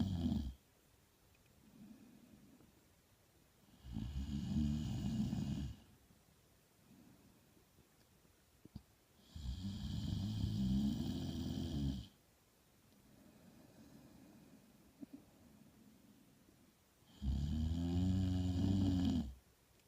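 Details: Ruby snoring while asleep, with voice-over: deep, rumbling snores on each breath in, separated by quiet breathing out, about four breaths in twenty seconds.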